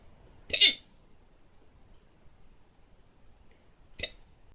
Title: hiccups fast 2